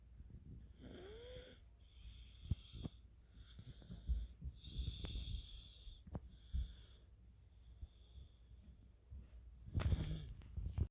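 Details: 3-year-old child snoring during sleep: rough, noisy breathing with a snoring quality and some higher whistling tones.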